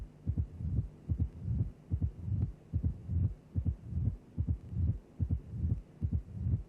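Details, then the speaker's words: Simulated heart sounds from a cardiac auscultation teaching programme, regular at about 73 beats a minute: low diastolic rumble building into each loud first sound, presystolic crescendo murmur of mitral stenosis. "Stenosis of the mitro valve gives rise to a gradient between the left atrial and left ventricular pressures when the mitro valve is open."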